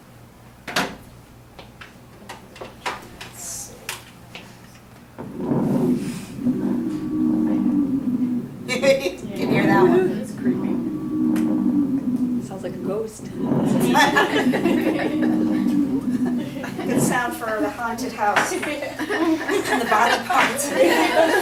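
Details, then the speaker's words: Simulated lung sounds from a heart and lungs lab: sustained, musical, whistling wheezes of varying pitch across several breaths, caused by air pushing through narrowed airways, as in COPD. "what's happening with wheezing is that airway is narrowed and the airs trying to push through a narrow passageway and it makes a musical sound"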